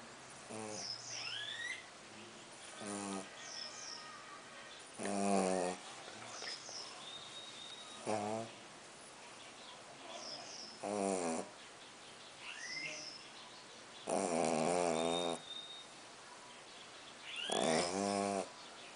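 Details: Rattling snores every few seconds, about 19 a minute, from Colt, a sleeping pug, snoring heavily, with birdsong in the background; snoring.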